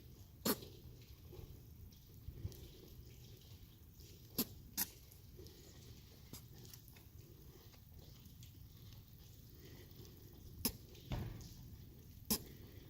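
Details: A baby goat gives several short, sharp sneezes after inhaling a big breath of dust, over a steady low background rumble.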